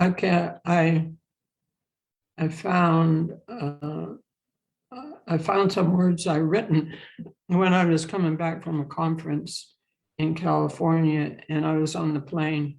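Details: Adult woman who stutters, with past speech therapy and support-group attendance and a self-acceptance journey begun in 1989, speaking in a podcast interview; stuttering.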